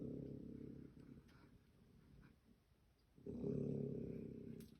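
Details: Snoring from a sleeping raccoon: low, rumbling, rattly breaths with a quiet pause between two snores; ordinary harmless snoring.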